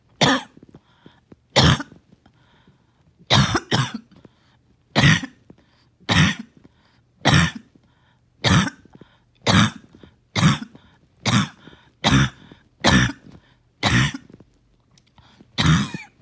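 Run of about fifteen harsh, forceful coughs, some in quick pairs, with short gasping pauses between them; a sustained coughing fit.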